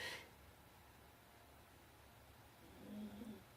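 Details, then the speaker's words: Soft, low rumbling snore from a sleeping pet (Buster) in a quiet room during a crafting session. "buster's already joined us and he's already started his snoring so if you listen closely"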